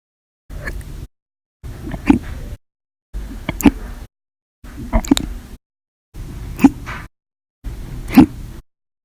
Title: 8/1/19 to 8/31/19, Violent, Bad Loud, Silent, Minute, Second Hiccups Audio Only Part 1